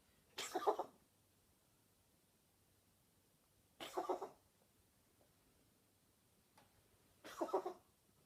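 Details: Cat adopted a week ago with a nightly coughing fit lasting nearly a minute and a half, whole body shaking; owner wonders about cat asthma. Three separate harsh, hacking cough bursts spaced seconds apart in a quiet room.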